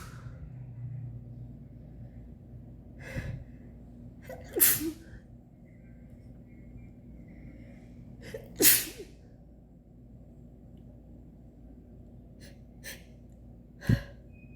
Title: Sneezing attack, my nose itches #cantstopsneezing